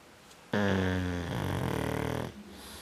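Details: Dog snoring while asleep with its eyes open: one long, low rumbling snore, humming at first then turning fluttery, in a quiet room; ordinary sleep snoring.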